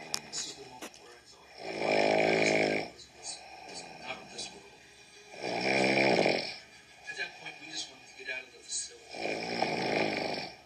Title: my mom's snoring